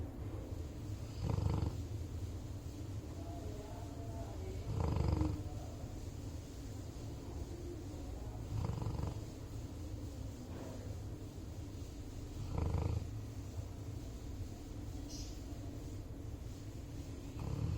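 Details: Ordinary snoring in a sleeping black Labrador: deep rumbling snores about every 3.7 seconds, roughly 16 a minute, five in all.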